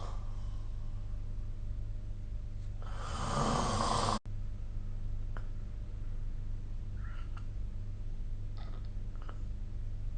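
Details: A single loud, rough snoring breath over steady low room hum, then quiet breathing; sleep snoring recorded with the SnoreLab app.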